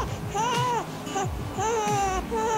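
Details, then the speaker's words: Newborn's short, breathy, high-pitched 'heh' cry bursts, a fussing discomfort cry attributed to being cold or hot or to a wet or dirty nappy. "às vezes porque tem uma fralda úmida ou sujar e aí eles fazem um sonzinho que é com o h&h que é o harry é como que saísse um sonzinho marzinho da boquinha deles que é esse chorinho aqui ó"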